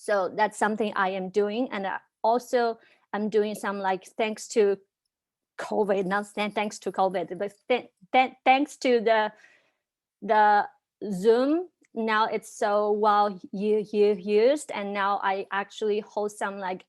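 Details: Real stuttering in a young woman from China who stutters and speaks on a panel of young people who stutter.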